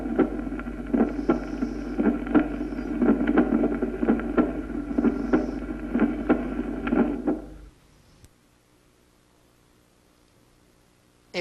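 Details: Regular crisp heart sounds over a steady background hum, with the first sound split into two close components: a split first heart sound.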